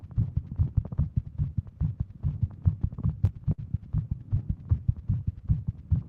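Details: Woman with Wolff-Parkinson-White syndrome sitting at her desk, heart pounding all day, smartwatch reading over 150 bpm; rapid, pounding tachycardic heartbeat at about 150 a minute.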